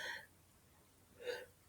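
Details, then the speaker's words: An adult's sneeze while recording a podcast: two brief, sharp voiced bursts separated by a quiet gap in a quiet room, said to make the chimes ring. "my sneeze made the chimes ring did you hear that that's funny"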